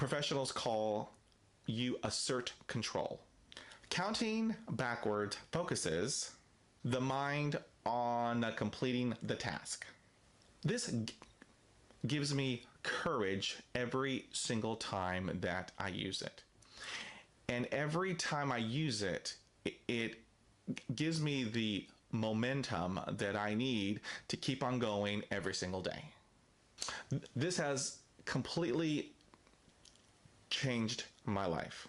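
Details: Stuttering in an adult man with daily fluency struggles who uses a self-help book to cope; word repetitions are present.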